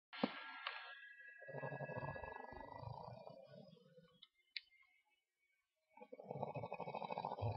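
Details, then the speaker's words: Sister asleep, snoring like this for hours: long rough buzzing snore on a breath, then a pause before the next; loud fluttering rattle; snoring. "you hear her snoring? She's been snoring like this for hours."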